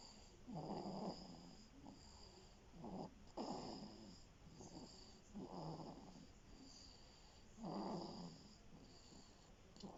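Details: Sleeping person snoring: soft, rough, rattling sounds about 25 times a minute in time with breathing, over faint room hiss. Snoring.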